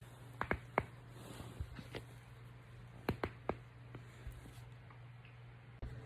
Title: Popping/cracking my neck and back- Ehlers Danlos Syndrome